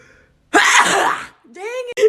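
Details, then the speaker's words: Woman deliberately making herself sneeze, trying to keep her eyes open: one forceful, hissing sneeze burst, then a short voiced exclamation. "I'm gonna try to sneeze with my eyes open oh I feel coming dang let's try again"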